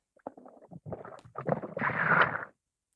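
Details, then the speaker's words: Normal bowel sounds heard through a stethoscope placed on the abdomen by a doctor demonstrating for children: irregular bubbling and gurgling from working intestines. "tak doskonale przykładamy słuchawki do brzucha tutaj i słuchajcie to są najśmieszniejsze dźwięki takie bulgotanie zaraz wam pokażę jakie to ból kostki w tym naszym brzuchu są posłuchajcie"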